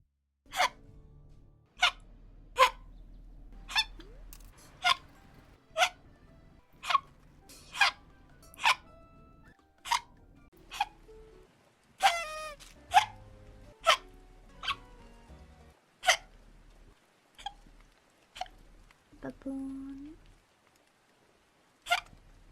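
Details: One minute of a streamer's hiccups compiled together: repeated short, sharp hiccups about once a second, roughly 65 a minute, with background music.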